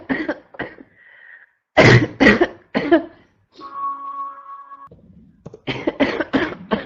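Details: Female adult with a constant barking cough: repeated harsh bursts, about eight coughs in clusters, with a brief tonal background sound between them.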